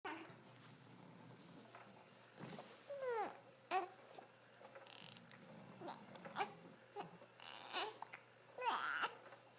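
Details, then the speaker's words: A baby who often has hiccups fusses and cries: soft infant fussing and brief whimpering cries with babbling sounds, in a quiet room. "No, no reason to cry, baby."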